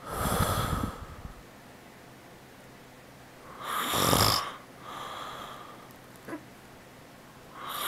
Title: Daddy-snoring 2